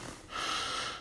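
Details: Involuntary snort from a person with extrapyramidal symptoms, heard while they lie on a bed hanging over the edge and try to crack their painful neck: a single brief, forceful nasal snort-like vocal noise.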